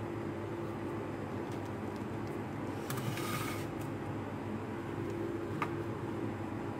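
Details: Syringe pump (small infusion pump) running: steady low mechanical hum with faint whine and a few small clicks as the motor slowly drives the syringe.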